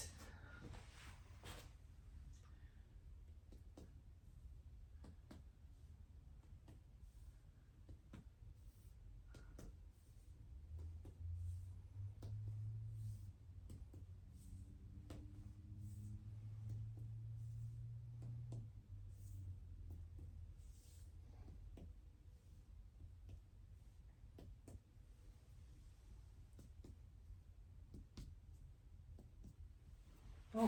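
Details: Head-to-toe physical examination: chest percussion over the posterior thorax.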